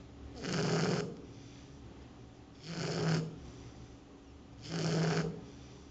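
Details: Shar Pei dog sleeping loudly at her new home: three slow, rough, rattling snores on the in-breath, about 28 per minute, with quiet pauses between; dog snoring.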